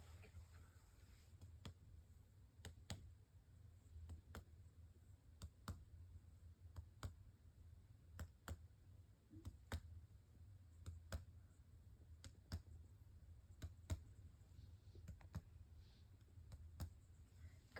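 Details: Percussion of a patient's back during a head-to-toe assessment: series of sharp finger taps, often in pairs, in a quiet room with low hum; resonant percussion note, normal.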